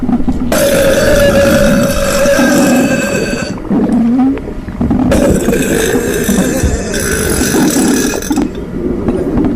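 Two long, loud, rumbling belches, each lasting about three seconds, separated by a brief pause with quieter gurgling and room noise; repeated belching.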